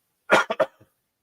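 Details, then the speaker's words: An adult with a lingering cough they call brutal gives a quick run of three loud, harsh, bursting coughs that fade into a short breath. "pardon me I still have this cough and uh it's just been it's just been brutal"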